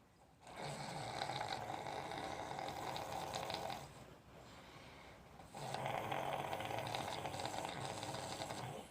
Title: Snoring zzzzzzzz 😂😂😂😂